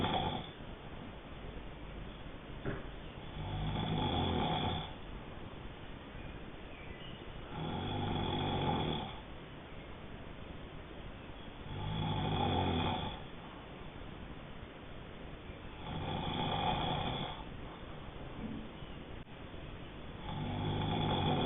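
Steady, rumbling snores on each breath in, about 14 a minute, with quieter breaths out between; snoring during sleep.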